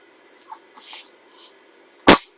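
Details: Person sneezing: a few soft sniffs and breaths, then one sharp, explosive sneeze.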